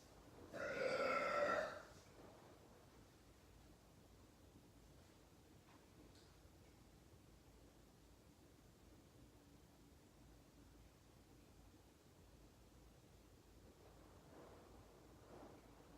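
One loud, drawn-out belch lasting about a second, then quiet room noise with faint sounds near the end.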